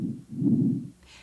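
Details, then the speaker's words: Stethoscope auscultation of the upper back between the scapulae during a head-to-toe respiratory assessment: normal bronchovesicular breath sounds, soft and moderate in pitch and amplitude, with the inspiratory phase equal to the expiratory phase. "you should hear Bronco vascular sounds between the scapula these sounds are moderate in pitch and amplitude with an inspiratory phase equal to the expiratory"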